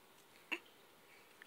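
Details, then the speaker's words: Baby boy with hiccups while cooing: single brief, abrupt hiccup in a quiet room: infant hiccups. "those hiccups make you so mad say go hiccups go away oh oh cough them out those silly hiccups"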